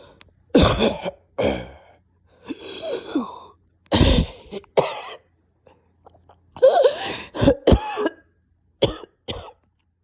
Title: Nasty coughing and choking